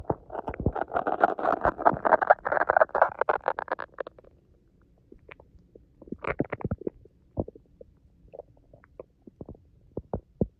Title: My stomach growling rumble 😩